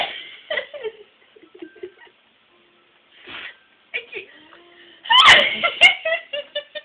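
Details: An adult sneeze: breathy sounds and soft laughter build to a sharp, explosive burst and a quick second burst, followed by more giggling.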